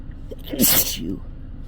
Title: Loud uncontrolled sneezing